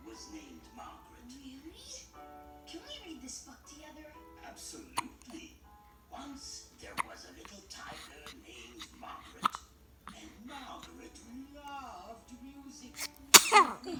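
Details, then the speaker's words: 8-day-old newborn with hiccups: a small, sharp sneeze bursts out at the end over soft talk and background music. "bless you."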